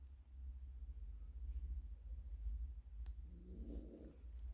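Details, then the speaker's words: Soft, low rumbling snore from Gracie, a sleeping dog worn out after a walk in the cold, over steady low room hum with sharp metallic clicks; snoring. "this one if you can hear that's gracie snoring in the background just before walking the cold so she's worn out"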